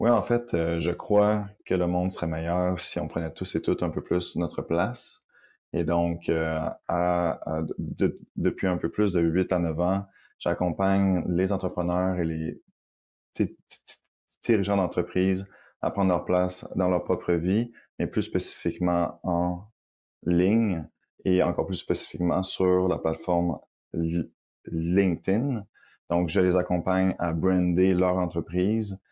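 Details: Adult man who stutters, a guest on a stuttering-themed French-language podcast, speaking spontaneously: stuttering.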